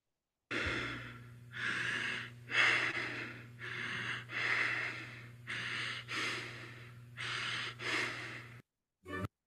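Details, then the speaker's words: Simulated slow, deep, labored breaths in a steady rhythm, not rapid; Kussmaul breathing characteristic of metabolic acidosis. "espiración de Kmaúul característica de un cuadro de acidosis metabólica."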